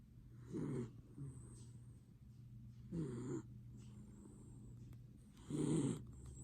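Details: Snoring miniature dachshund: repeated low rumbling snores from the sleeping small dog, with quiet breathing between them.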